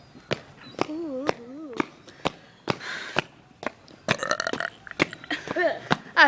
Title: Burping the ABC! XD